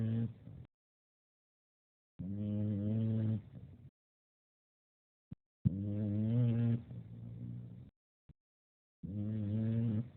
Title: Paisley snoring up a storm